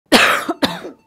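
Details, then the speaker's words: Two sharp, forceful adult coughs in quick succession, acted as an example of widespread seasonal respiratory illness; cough. "sen de öksürüyor musun Neden etrafımızdaki herkes öksürüyor Neden herkes aynı anda yataklara düştü"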